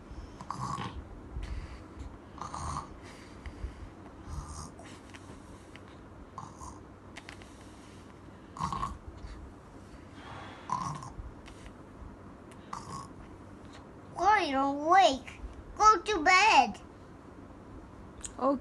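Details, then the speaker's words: Child imitating snoring on request at bedtime: repeated short, soft, snorting breaths at an uneven pace, then a child's voice near the end; playful simulated snoring. "okay you start snoring now you can start snoring"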